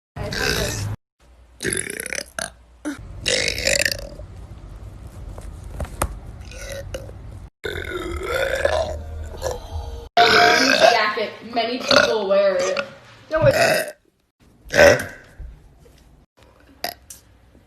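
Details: Burping: repeated loud, drawn-out burps with short pauses between them; ordinary belching.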